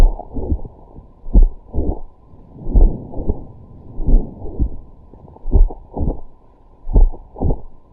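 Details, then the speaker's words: Mitral valve prolapse, best heard at the cardiac apex: slow paired heart sounds with a sharp mid-systolic click followed by a soft late systolic murmur. "MVP or me Sy click may be found best heart at the cardiac aex miton Val prolapse this is the click it's a let solid"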